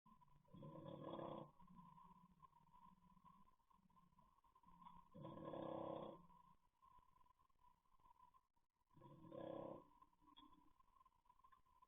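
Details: English Bulldog snoring loudly while asleep, captured on CCTV: loud, rough snores, three long snoring breaths over about twelve seconds, with a steady hum in the background.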